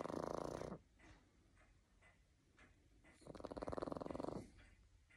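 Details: Sleeping Boston Terrier snoring: two loud, rattling, fluttering snores about three seconds apart with quiet breathing between them.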